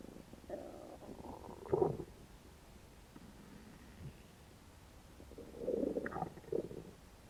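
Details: Hungry stomach growling after about 12 hours without eating: low gurgling rumbles in two bursts with quiet between.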